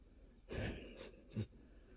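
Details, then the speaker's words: A husband snoring in sleep: a rough, rattling inhaled snore followed by a short snort, then quiet. "Why do I sleep on the living room couch? Because of this."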